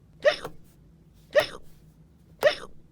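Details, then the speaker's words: Acted, simulated hiccups: three abrupt gulping vocal catches about a second apart, voiced for the character Duggy, who got hiccups after eating too many gummy worms in a candy-eating contest. "ducky there's nothing wrong with you yeah I think so yeah I think you have hiccups yeah you definitely have hiccups dude wait hiccups what does that mean"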